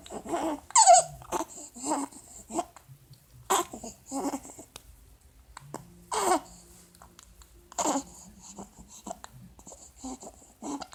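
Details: Infant with laryngomalacia: repeated noisy, strained breaths with high-pitched inspiratory stridor and fussy cries, having a hard time breathing.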